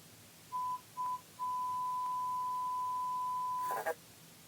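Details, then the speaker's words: Simulated hearing test in a hearing booth: two short beeps, then a long steady tone and a brief burst of noise; pure-tone audiometry test tones. "now I'm gonna have you listen for some sounds every time you hear whine just look at the speaker here we go"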